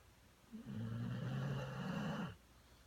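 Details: A single long, low, rattling snore on an in-breath while sleeping, recorded May 2017 in a quiet room; ordinary snoring.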